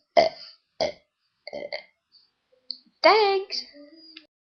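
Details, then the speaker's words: Deliberate funny burps from siblings in a home video: several short belches, then a drawn-out voiced burp, repeated burping. "Hello, I'm going to be making funny burps. That was a smelly one."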